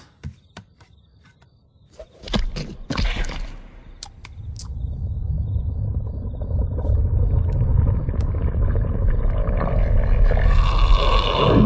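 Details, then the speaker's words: Burping scene from a movie; character claims about 15 Dr. Peppers drunk and announces a burp snort: a few short clicks, then loud low throaty bursts giving way to a long rumbling belch. "I must have drank me about 15 Dr. Peppers. Hang on, I got a burp snort coming."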